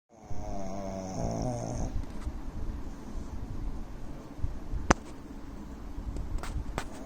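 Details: A sleeping 9-month-old male pug snoring with a low, rattling noise and a brief wheezy whistle.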